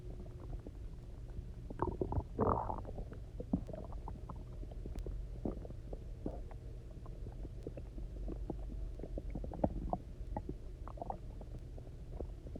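Loud, resonant gurgling and rumbling from the belly with scattered pops; ordinary hunger stomach growling.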